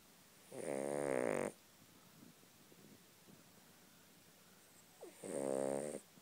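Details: Yorkshire terrier dog snoring contentedly: two loud, drawn-out rattling snores a few seconds apart, with quiet breathing between them.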